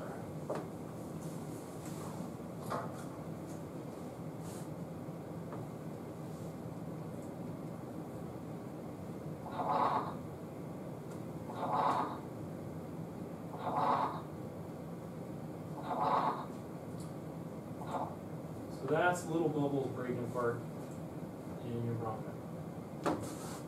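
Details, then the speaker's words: Coarse crackles, likened to crinkling cellophane or velcro, from secretions coating the bronchi as air pops bubbles, played in a lecture: recurring bursts of low bubbling pops about every two seconds over room hum. "if you take cellophane or plastic wrap and kind of crinkle it off that kind of sound that's a coarse prawn and this is schematic of it uh so you get a bunch of gunk coating your bronchus and air goes by and pops these little bubbles"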